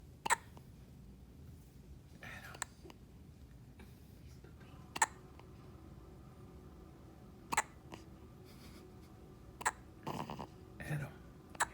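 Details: Baby boy asleep with hiccups: sharp, brief hiccups, about five in twelve seconds, irregularly spaced against quiet room noise.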